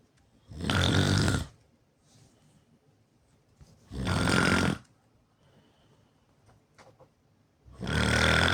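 Three loud, rough, rattling snores, one with each breath in, about 17 a minute, with quiet gaps between; heavy snoring.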